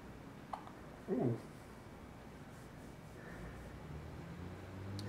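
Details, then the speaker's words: Newborn, day 3, hiccups, possibly his first outside the womb and getting stronger: soft, sudden hiccup catch with a faint click before it in a quiet room. "First hiccups outside the womb I think they Getting stronger"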